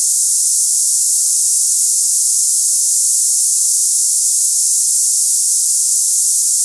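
Continuous high-pitched hissing like cicadas, a simulation of the hissing ringing heard in tinnitus.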